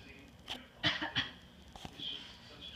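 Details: A 2½-year-old boy gives a few short, light coughs, covering his mouth, with faint room noise; cough.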